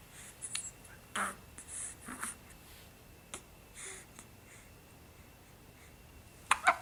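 Soft, abrupt little catches of breath repeating irregularly in a quiet room: hiccups in a young infant, a common harmless occurrence.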